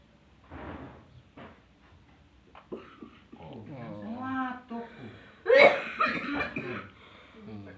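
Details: Adult woman coughing as soon as she is touched during a treatment session, after two years of medication without improvement: strained, drawn-out vocal sounds, then a loud harsh cough burst and retching-like noises; a forceful cough.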